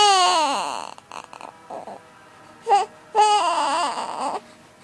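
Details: 6-week-old baby boy with hiccups, crying in wailing bursts broken by brief catches and pauses, possibly hiccups interrupting the cry; infant cry.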